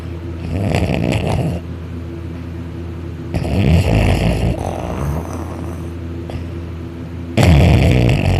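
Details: Loud, rough, low rattling snores on each breath in, noisy breathing out, with some higher-pitched snores; person napping on a couch on his back, mouth open and drooling, snoring loud enough to vibrate the couch.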